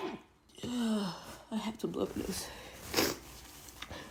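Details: Person with really bad allergies: a sharp breathy burst with a gasping intake, then a second powerful sneeze in a small room; allergic sneezing.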